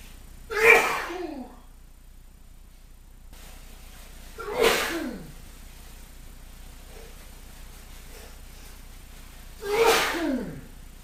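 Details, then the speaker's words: Three forceful sneezes about every five seconds from a man with hay fever triggered by pollen outdoors, part of about half an hour of repeated sneezing. "I'm certainly suffering a lot. Oh. Only can imagine what it's like to have this kind of allergy and do this amount of sneezing."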